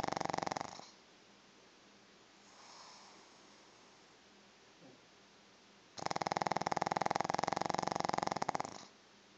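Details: Sleeping pug dog snoring: two loud bursts of rapid, rattling snoring separated by quiet breathing.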